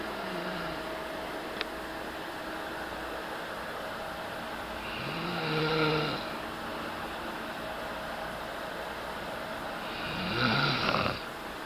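Two soft, rough snores about five seconds apart, from a sleeping cat, over a steady background hum.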